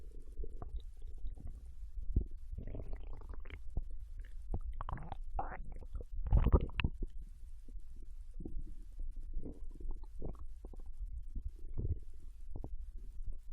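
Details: Normal bowel sounds recorded from a Japanese girl lying on her side in bed while digesting ramen: low gurgles and rumbles coming and going irregularly, typical of digestion after a meal.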